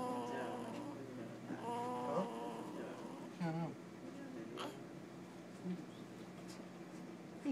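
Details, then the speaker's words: Sleeping 3-hour-old newborn boy, tired from a move, makes short squeaky, whistling snore sounds with soft snorts against low room hum; newborn snoring. "Is that a baby snore? Yeah, this is snoring."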